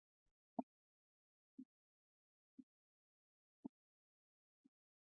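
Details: Normal heart sounds S1 and S2 in a physiology teaching lecture on the cardiovascular system: soft single heart thumps about once a second in a quiet recording.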